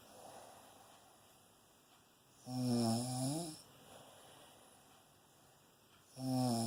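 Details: Warm, loud snoring during sleep while cuddled: two clear buzzing, slightly tonal snorts a few seconds apart over quiet room hum.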